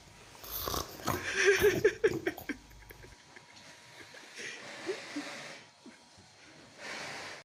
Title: Funny 🤣 cow snoring 😴#cow #snoring #viralvideo #funny #funnyanimals #animals #funnyvideo #cowvideos